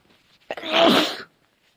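A single sneeze: a quick sharp intake followed by an explosive burst of air, then quiet.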